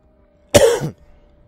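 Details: Single harsh cough from an adult gamer whose cough has lingered for a couple of hours and won't go away; a lingering cough.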